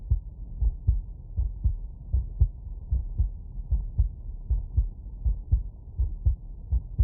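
Steady, regular paired low thumps, lub then dub, at about 78 beats a minute, with a faint steady hum behind them. These are normal first and second heart sounds with a regular rhythm, and no added sounds stand out.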